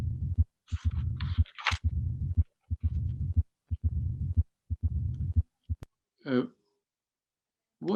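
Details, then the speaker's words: Teaching heart recording of mitral stenosis at about 60 beats a minute: first sound, second sound, opening snap, then a low-frequency rumbling diastolic murmur, repeated across cycles. "so this is a now a complete example of martial stenosis and ask you to concentrate because we have the complete finding nowadays presented now presented first sound second sound opening snap murmur first sound second sound opening snap murmur"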